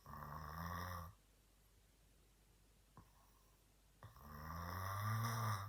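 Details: A man, the recorder's father, snoring fairly loudly while asleep: two loud, low, rumbling snores separated by a quiet pause of about three seconds.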